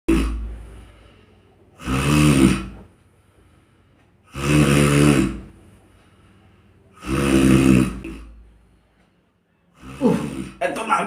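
Loud, rattling snores recur about every two and a half seconds, separated by quiet exhalations.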